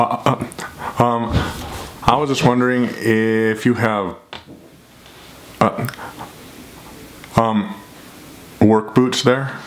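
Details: Adult man who stutters, speaking in a real phone call to a shoe store as part of a daily stuttering video project; stuttering.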